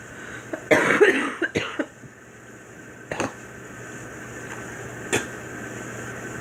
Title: Girl coughing 188